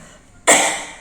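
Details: One sudden, harsh cough bursting out of quiet and fading over half a second, from an adult with a cough and cold who says their throat feels blocked; a cough.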